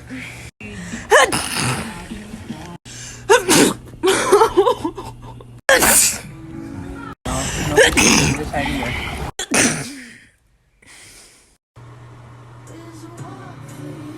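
Several loud, explosive sneezes in quick succession, each with a sharp burst of air, with a steady hum behind them; ordinary sneezing.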